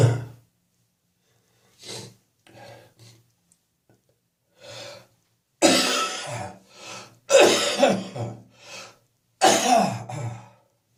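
Repeated loose, phlegmy coughs with throat clearing, fitting a productive cough bringing up mucus.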